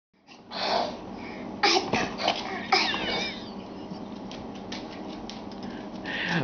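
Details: A few short, breathy sneeze-like bursts from a child imitating another person's sneeze, not real sneezes, with room noise.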